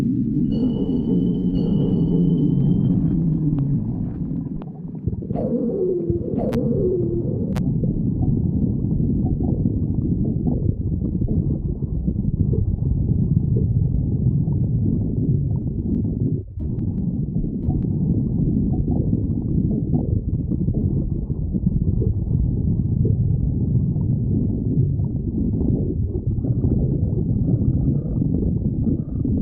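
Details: Stomach growling (borborygmi): continuous low rumbling with gurgling, whining tones.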